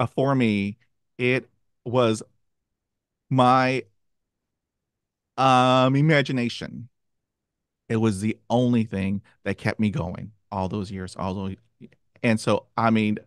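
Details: Stuttering in an adult who stutters, with part-word repetitions heard before a word.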